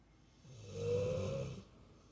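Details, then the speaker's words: Female dog snoring loudly while asleep: one long, rising, buzzing snore with a faint whistle on the breath against a quiet room background; snoring. "Remy, you snore really loud, big girl."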